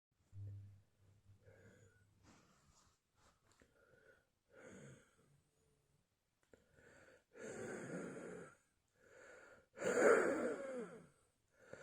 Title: Still Wheezing and Coughing Up a Storm.